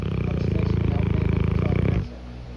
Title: Cane corso snoring while napping. #dogs #canecorso